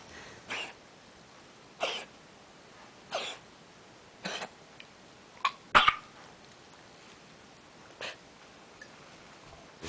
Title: Coughing